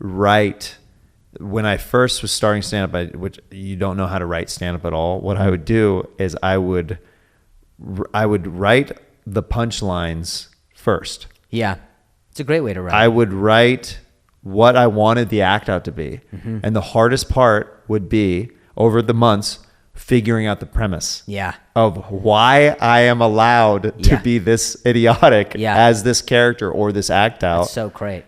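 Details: Adult man speaking; normal conversational speech.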